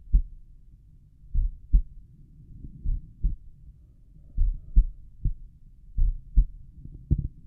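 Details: Own slow resting heartbeat auscultated at the tricuspid area: soft, regular paired heart sounds at about 45 to 50 beats a minute with no added sounds, slightly poorer audio; normal heart sounds, slow rate.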